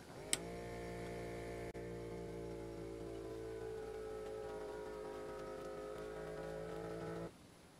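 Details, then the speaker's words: Automatic upper-arm talking blood pressure monitor, taken while standing; click then steady motor hum about seven seconds as the cuff inflates, ending abruptly. "I have it on my arm now. Press the start button, and off it goes."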